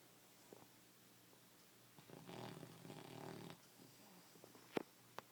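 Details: English bulldog snoring while asleep: one rough, rattling snore of about a second and a half amid quiet room noise.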